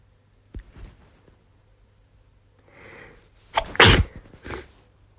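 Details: A quick inward breath, then one forceful sneeze and a softer after-sound, from a female university student with a cold, sniffles, hoarse voice and cough; a single sneeze.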